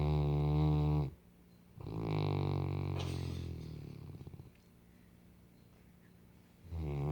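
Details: Saint Bernard dog snoring: loud, deep, rumbling snores on each breath, separated by quiet pauses.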